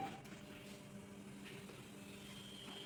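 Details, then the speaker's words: Defibrillator's built-in printer steadily whirring as it feeds out a paper self-test record strip after a device test, with electrodes not connected. "রেকর্ডটা এখান থেকে বেরোবে এরকম গ্রাফে।"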